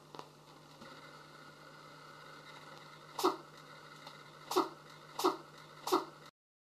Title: Kitten is sneezing